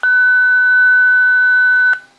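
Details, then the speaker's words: Zoll X-Series defibrillator in AED mode during a training drill, after stand-clear and shock prompt; steady high electronic tone about two seconds, then cut off; AED shock prompt tone. "it's gonna count down your two minutes and then it's going to tell you to stand clear and it's gonna analyze again on its own"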